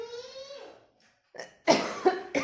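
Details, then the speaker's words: Woman with a heavy cold and cough who says she feels very cold and that coughing makes her whole chest hurt; a drawn-out voiced sound, then a pair of harsh, forceful coughs. "क्योंकि खांसी आ रही है खांसी आती है तो बहुत ज्यादा मुझे दिक्कत हो जाती है लगता है मेरा पूरी चेस्ट दर्द उ जानी है"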